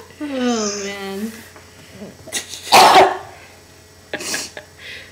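A drawn-out voiced sound followed by one sharp explosive burst and a smaller trailing burst, a sneeze.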